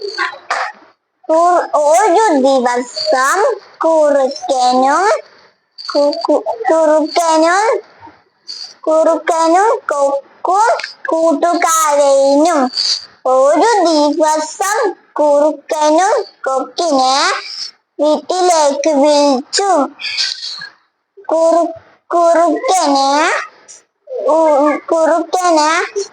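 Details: Speech of a young girl born deaf, cochlear implant at one and a half years, after extensive speech therapy; previously unable to speak in sentences.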